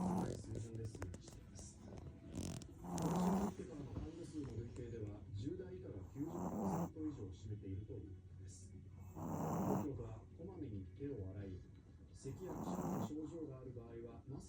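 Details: Loud, regular snoring from a sleeping black-and-tan Chihuahua puppy, four snores at about 18 per minute, with television news talk in the background.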